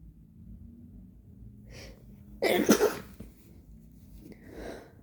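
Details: Agender person in a sneezing fit; they report a blocked nose with bloody scabs. One sharp explosive sneeze after a short breath, in a quiet room; repeated sneezing.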